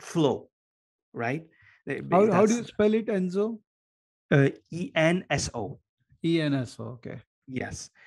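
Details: Adult male speaker; normal speech.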